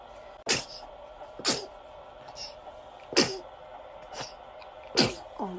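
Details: Baby sneezing when the morning light is too bright (photic sneeze reflex): a run of small, sharp sneezes from a baby who still looks sleepy after waking.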